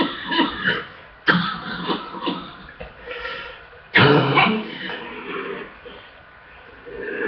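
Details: Chest congestion coughing fit: repeated harsh, forceful coughs with a loose, rattly quality, from a full chest; a congested chest cough.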